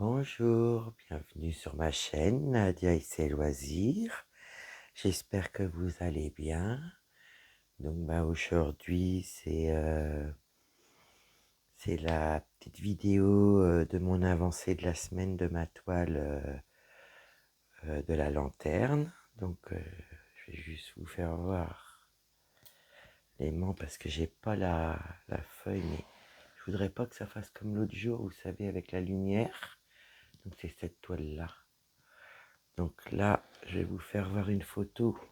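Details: Woman whose vocal cords were damaged by a serious health problem; she reports her voice is now deeper than before, at times she has little voice, and she cannot speak loudly. Dysphonia with low-pitched, creaky voice.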